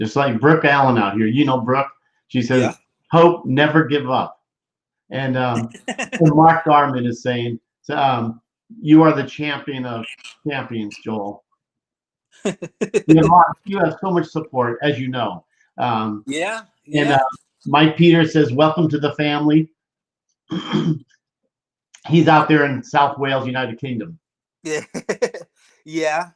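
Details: Adult male speaker; typical speech.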